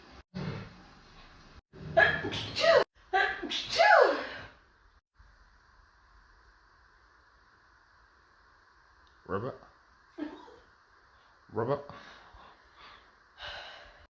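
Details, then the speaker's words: Burst of about three loud sneezes in quick succession, then softer sniffs and breaths in a quiet room, while someone asks them to stop and what they are doing with their throat; sneezing. "Hey, do you mind if you stop sneezing, please? Can you please stop sneezing?"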